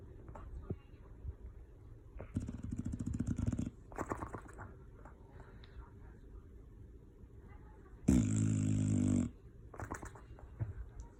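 Loud, rough, rattling snores in irregular bursts, with quieter snuffling breaths between them; ordinary dog snoring.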